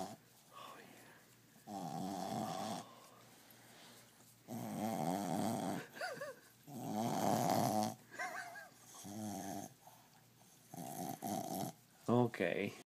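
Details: 2-year-old Brussels Griffon dog snoring like a hog: loud rumbling piglike snores in repeated breaths, each a second or two long, with soft snorts between.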